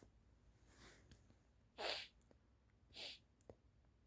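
Two soft, breathy sneezes about a second apart in a quiet room, with a faint intake of breath before them.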